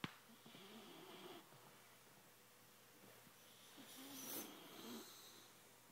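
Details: Young dog snoring in sleep: soft snoring breaths with faint fluttering, rasping noise in a quiet room.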